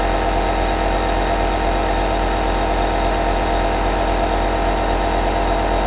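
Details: Two aerosol nebulizers running together continuously: the sound of nebulizers running.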